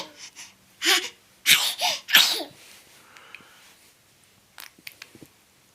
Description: Newborns sneeze a lot, but not because they're cold or sick. It's simply how they clear their nasal and respiratory passages of congestion and airborne particles.